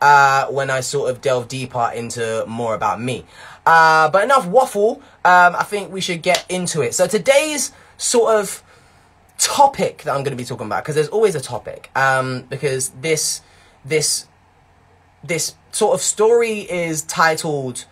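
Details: Man who developed a stutter in his early teens; it worsened with blocks and strange noises and is now much improved, though word repetitions remain. Mild, residual stuttering.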